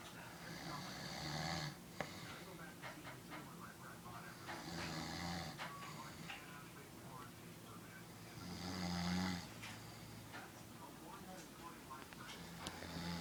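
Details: Adult man (uncle) snoring during sleep: low, rough snores recurring about 15 a minute, with some clicks and room noise between.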